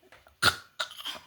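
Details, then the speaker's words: Dog cough: two short, harsh, forceful bursts about half a second apart, the first louder, with faint breathing before and between them. "खांसी हो गई। भो खांसी हो गई। भो को खांसी हो गई।"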